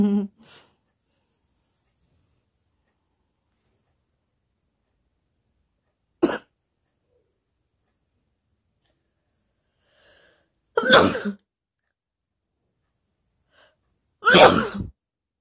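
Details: Sneezes during a sneezing and nose-blowing challenge: three or four brief, sudden bursts of air spaced several seconds apart in a quiet room.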